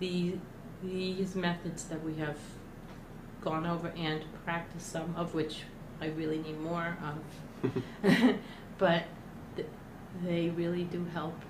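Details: Adult woman who stutters, speaking during the first week of an intensive stuttering therapy program where she practiced stuttering modification strategies such as pullouts: stuttering (blocks and prolongations).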